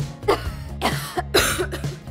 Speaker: That's right. Coughing. More often than not, a child's cough is probably related to allergies or an illness such as a cold.